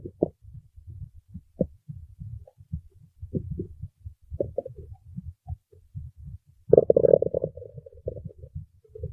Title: stomach growling 3